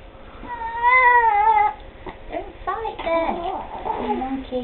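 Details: One-month-old baby with hiccups, fussing while being dressed: a drawn-out tonal wail followed by broken fussing cries and whimpers; infant cry.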